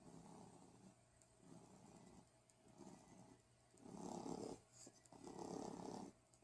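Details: Soft, rough, rattling breaths rising and falling in a slow rhythm over a steady low room hum; snoring.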